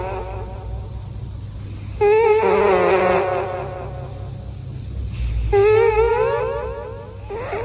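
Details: Snoring in a sleeping cat: long, wavering, squeaky whistles on slow, regular breaths over a low steady hum, a whistling snore.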